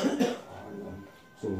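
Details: Two short cough bursts with a quiet gap, from an adult with cough, fever and whole-body aches during massage therapy.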